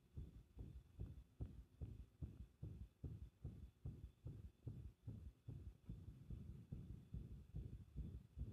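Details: A fast, muffled heartbeat at about 140 a minute with uneven spacing between beats; irregular heartbeat.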